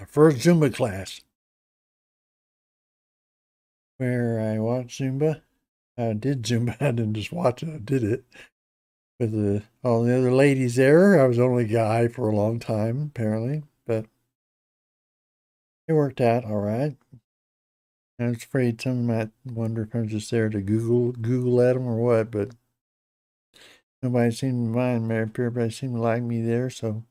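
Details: Hypokinetic dysarthria in an adult man with Parkinson's disease for a little over 10 years, treated with deep brain stimulation since 2017; he reports his voice is less clear than in earlier years.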